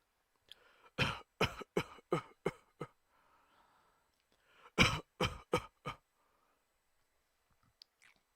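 Two runs of sharp, loud coughs, six then four, separated by a pause with quiet breathing between; a repeated adult cough.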